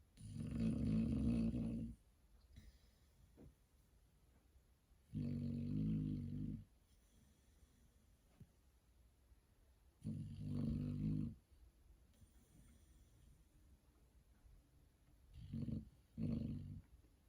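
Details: Dog snoring away the morning in a quiet room, rhythmic rumbling snores about every five seconds with a few shorter snorts near the end; owner wants an adjustable bed to curb the snoring.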